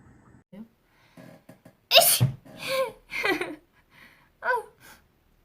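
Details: Sneeze.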